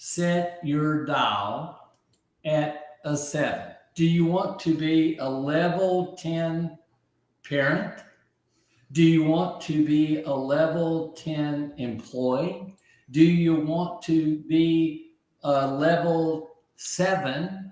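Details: Adult man with aphasia after a stroke about 15 months earlier at age 62; initially could not read, write or talk and relearned language from scratch; aphasia.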